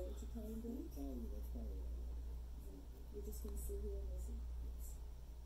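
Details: Simulation of conversational speech heard through a congenital cookie-bite (mid-frequency) hearing loss: muffled, indistinct conversation.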